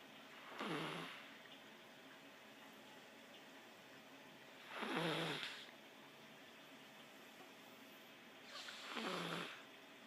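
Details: Three soft, rasping breath sounds at regular spacing in a quiet room, about 14 a minute; gentle snoring.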